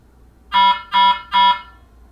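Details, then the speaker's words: Device alarm: three short, evenly spaced electronic tones from the Aquadex SmartFlow ultrafiltration system, signalling withdrawal difficulty, shown in fluid overload therapy troubleshooting training. "when troubleshooting alarms may occur indicates withdrawal difficulty adjusting"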